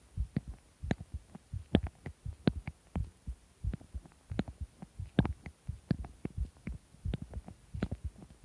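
Irregular low heartbeat thumps mixed with sharp clicking sounds, an abnormal-sounding heartbeat.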